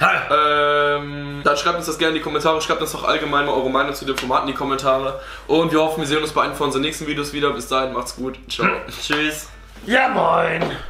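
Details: Adult man speaking German; normal fluent speech.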